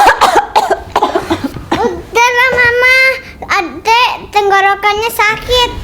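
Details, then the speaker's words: Child's cough heard at home, possibly weather-related according to the mother; low appetite mentioned; water with honey offered; scene from a short film. "Yah, adik kenapa itu batuk lagi? Biasa, Mas. Karena cuaca mungkin."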